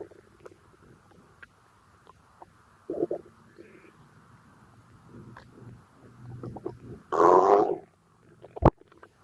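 Scattered gurgles and low rumbling from the belly, with a louder gurgling burst near the end; active bowel sounds during digestion.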